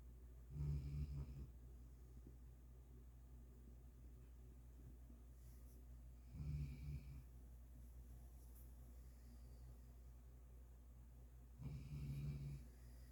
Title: pearl and her low snores.